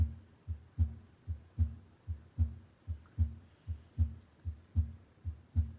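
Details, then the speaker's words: Normal S1 S2 heart sounds on Sam, a patient simulator, auscultated at the tricuspid area: regular lub-dub pairs at about 75 beats a minute, judged a regular heart rate. "here you can hear the heart sounds audibly we're listening for the love dog lub dub"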